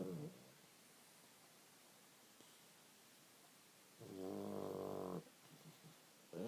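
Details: Long quiet gaps broken by a buzzing, vibrating snore lasting about a second; snoring.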